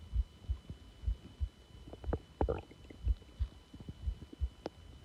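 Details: Soft, low stomach growling from normal bowel activity: quiet thumps and brief gurgles at irregular intervals, with a short bubbly rumble midway.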